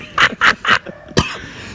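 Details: Compilation of a man coughing, one clip mentioning Jakarta air pollution.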